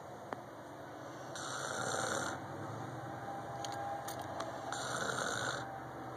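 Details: Person snoring: two rasping, hissing snores about 3.4 seconds apart over a steady room hum and faint clicks.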